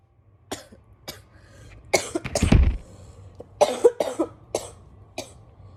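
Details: Bronchitis cough in a girl: a run of about nine short, harsh coughs in under six seconds.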